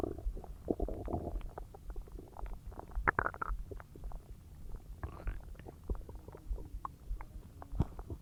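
Low gurgling and rumbling with scattered pops, typical of active digestion noises after a large meal.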